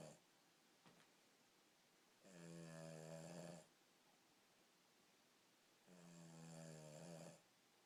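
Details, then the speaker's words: Dog making snoring-type noise while awake: two long, rattling, buzzy breaths about four seconds apart in a quiet room. "are you snoring when you're awake? You're so cute."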